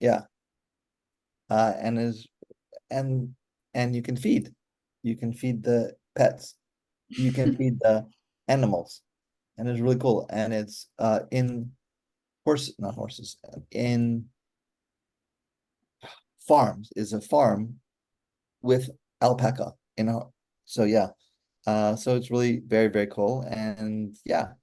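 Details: Adult male stroke survivor with aphasia since a stroke during mitral valve surgery for hereditary mitral valve prolapse in 2007, recorded July 2024, real patient who says communicating is still hard; aphasia.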